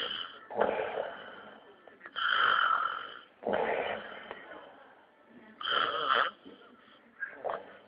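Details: Adult husband snoring in sleep: loud, rough, rattling snores with a whistling edge, rising and falling with each breath; heavy snoring.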